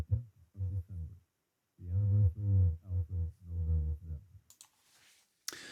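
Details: Simulated bilateral severe and profound sensorineural hearing loss, moderate in the right ear's lowest tones and worse from 500 Hz to 4 kHz: a male voice read aloud, heard muffled and low-pitched with clear high speech sounds stripped away.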